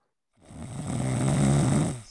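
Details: Snoring, played as a sound-identification example in an English lesson: a single long, low, rattling snore on an in-breath, rising and fading over about two seconds.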